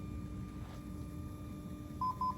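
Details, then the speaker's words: Hospital defibrillator demonstration with voice prompts "analyzing, stand clear, shock advised, push to shock," then steady room hum and two short high-pitched beeps at shock delivery; AED shock delivery tones. "analyzed analyzing now stand clear shock advised stand clear push to shock"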